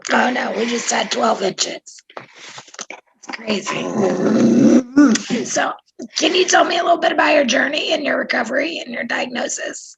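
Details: Adult speaker; normal voice.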